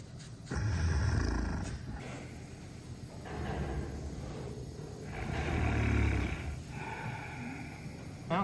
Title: Sedated Bear Snores During Pedicure at Wildlife Sanctuary